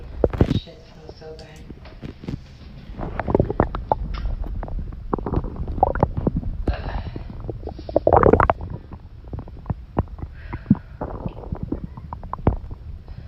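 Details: Long, irregular gurgling and rumbling with crackly pops and squeaks from the belly of a woman who held in a bowel movement all day and urgently needs to defecate; stomach growling (borborygmi).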